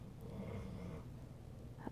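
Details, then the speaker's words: Low, rumbling, rattly snoring from a female pet sleeping nearby, heard faintly against room noise; described as loud; snoring. "you hear her snoring in the background oh my goodness she's loud"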